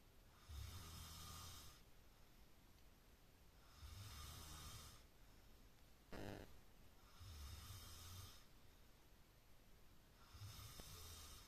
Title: When You Can't Sleep Cause The Person Next To You Is Snoring